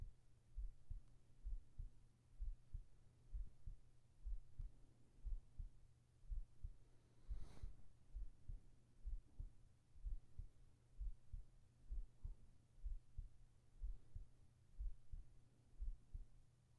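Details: Heartbeat recording for sleep ASMR with whispered voice: steady soft low thumps at about 63 beats a minute with a faint hum underneath; normal, regular heartbeat.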